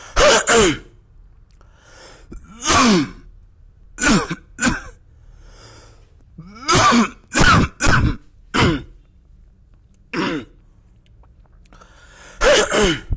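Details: Voluntary cough demonstrated by an adult: ten short, deliberate cough bursts in small clusters in a quiet room.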